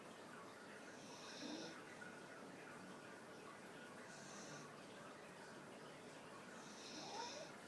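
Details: Staffordshire Bull Terrier sitting behind the owner, snoring with her eyes wide open: soft, rhythmic snoring noises over several seconds in a quiet room.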